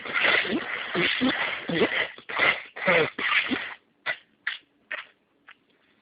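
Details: Allergy-induced sneezing after deliberately inhaling an allergenic massage bar to relieve itching: a rapid run of short, forceful nasal bursts, about two a second, fading toward the end; repeated sneezing.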